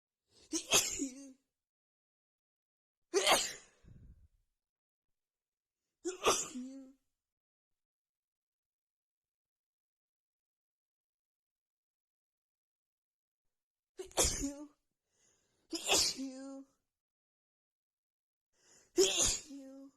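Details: Nonstop rapid sneezing fit after feeling sneezy all day, with the nose tickling: six sharp sneezes in two quick groups, several with short voiced tails and gasps between. Sneezing continued for a long while afterward.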